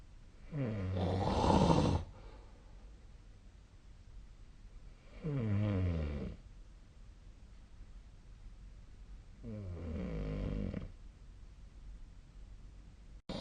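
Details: Sleeper's snoring recorded with the SnoreLab app: loud, rattling snores on each breath in, about three in thirteen seconds, roughly 14 breaths a minute, with quiet gaps between; snoring.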